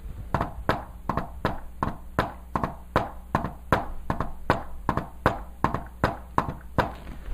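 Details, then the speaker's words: S4 gallop: an extra sound so close before S1 that the rhythm sounds like "Tennessee" (S4-S1-S2). "s4 is so close to s1 that when I do real fashion I never noticed look at this cuz it sounds like Tennessee Tennessee Tennessee Tennessee"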